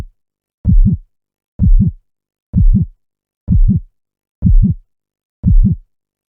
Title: Soothing Heartbeat Sound for Sleep